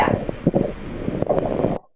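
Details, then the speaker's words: A recorded coarse crackle sound played in a respiratory lecture: popping noises attributed to fluid in the lungs; coarse crackles. "Coarse crackles, still that popping noise."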